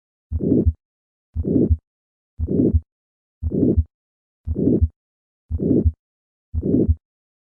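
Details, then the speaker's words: Calcific aortic stenosis, heard first at the second right intercostal space: regular heartbeat near 58 a minute with a harsh, late-peaking systolic murmur filling each systole; the murmur keeps this shape at the apex. "careful auscultation reveals that the murmur retains its characteristic late peaking shape at the apex listen to this murmur first at the second right intercostal space"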